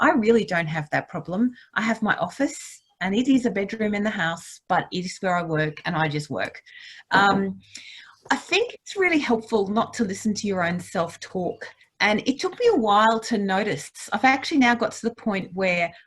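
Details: Adult woman speaking; normal speech.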